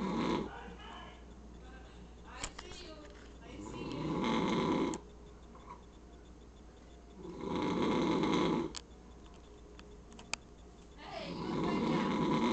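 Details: Loud, rough snoring from a sleeping man, one snore on each in-breath at about 16 a minute, with quiet gaps between: ordinary snoring.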